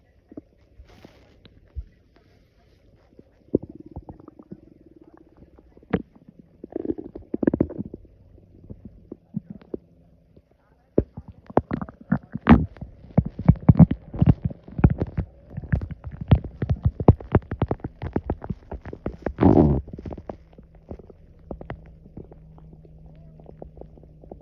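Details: Loud, irregular gurgling and bubbling stomach growls with low rumbling tones after drinking coffee on an empty stomach: borborygmi.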